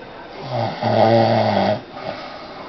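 One loud, low, buzzing breath lasting about a second over quiet room noise; snoring.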